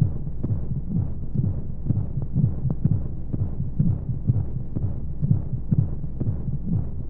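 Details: Baby sleep-aid womb sound with white noise: steady muffled heartbeat, about 125 beats a minute, under a constant rushing noise, as heard in the womb.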